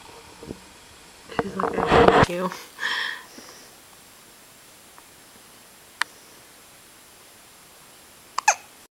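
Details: Baby hiccups: a burst of voiced noise and a short vocal sound, then sharp, brief hiccup catches spaced apart in a quiet room; baby possibly after feeding.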